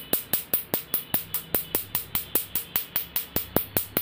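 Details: Sharp, evenly spaced snapping clicks at about 5 per second: laser pulses firing during tattoo removal.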